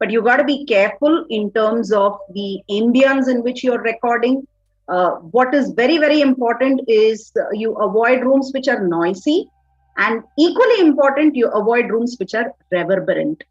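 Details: Adult woman speaking; normal speech.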